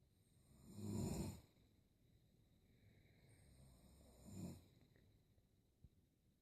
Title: Funny snoring